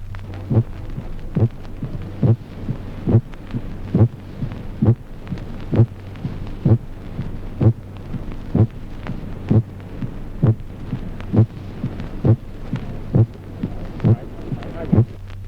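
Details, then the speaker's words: Primary weakening of the first heart sound in coronary infarction: regular heartbeat near 66 a minute with a weakened, muffled first heart sound. "Ejemplo 22, debilitamiento primario del primer ruido cardíaco en el infarto coronariano."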